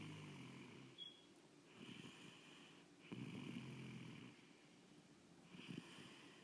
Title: Chase snoring